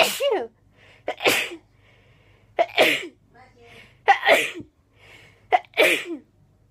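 Five forceful sneezes in quick succession, each with a sharp intake and explosive burst, about one every 1.5 seconds; a sneezing fit.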